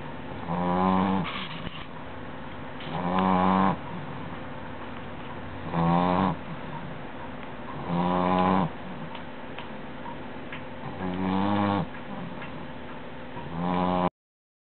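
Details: Tired sleeper snoring louder than usual: rhythmic rumbling snores with each breath, about 25 per minute, over steady room hum.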